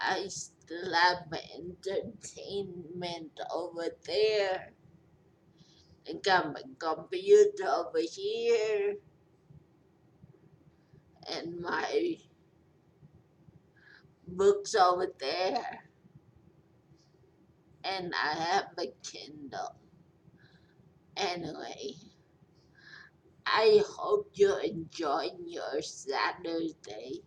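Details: 43-year-old woman after a major stroke with long recovery, who says she is hard to understand, with repeated and garbled words; speech impairment after stroke.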